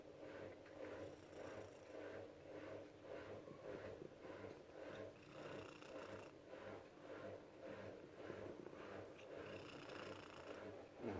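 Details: A shelter cat in Germany purring steadily while snoring softly and rhythmically at the same time, a harmless combination.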